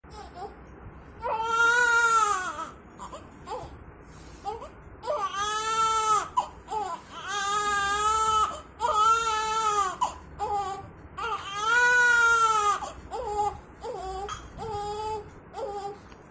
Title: New born baby shoot || baby crying || Baby sneezing #babyshorts #viral #trending #baby #photoshoot